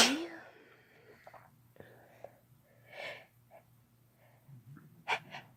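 Two sharp sneezes open and close the stretch, with soft breaths and faint hisses between them in a quiet room.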